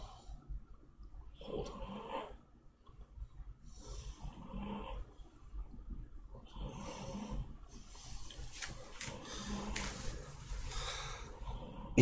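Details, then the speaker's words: Repeated rough, rattling snores with each breath from a sleeping person during a livestreamed snoring contest, over a steady low background hum. Finding: snoring. "のいびき聞こえてる？今。"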